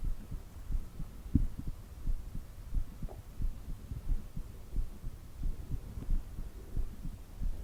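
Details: Steady, regular low thumping heartbeat at about 90 beats a minute over a soft hum; normal heartbeat.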